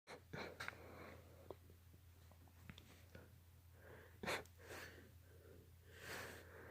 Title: Sneeze fit